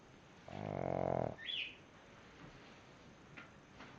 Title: Pug snoring